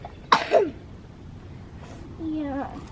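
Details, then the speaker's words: Young child with a long-standing cough who has just started an inhaler: a single abrupt cough burst, then a short vocal sound, coming on after only a couple of minutes of walking outdoors. "yeah okay okay we can go home now see and we've only been walking a couple minutes and he's got his cough so we're gonna go home"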